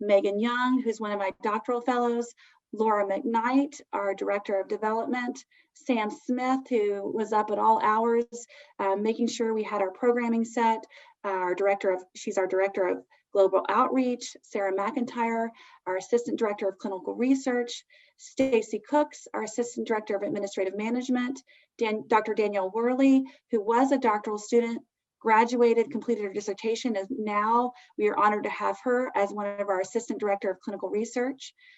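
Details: Adult woman speaking; normal speech.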